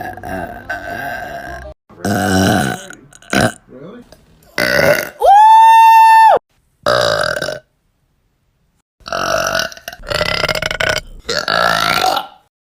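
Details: Burping: several loud, drawn-out voiced belches, one long and tonal, with pauses between them.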